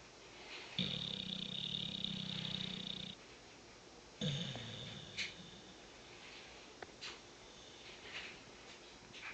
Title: chunk snoring